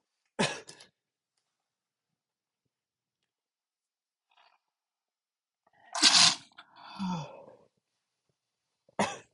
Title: Uncontrolled Sneezing (m)